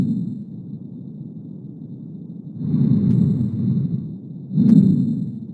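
Low-pitched, coarse rumbling breath sounds swelling with two breaths over soft continuous noise; rhonchi, pointing to secretions in the larger airways.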